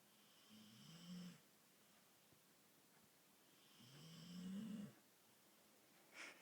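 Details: Irish Bull Terrier dog, half asleep, snoring very loudly; two loud, rough, low-pitched snores on inhaling with quiet pauses between; loud snoring from throat vibration.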